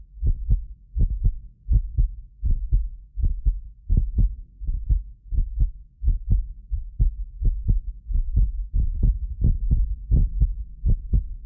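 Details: Heartbeat of a medically fit adult recorded with more than six precision contact microphones; steady deep lub-dub at about 78 a minute, occasional doubled clicks from a 6 ms microphone delay; normal heart sounds.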